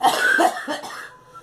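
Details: Short burst of two or three harsh coughs trailing off from a girl with a persistent cough; the speaker blames heavy coughing on a flu shot and says tests came back negative.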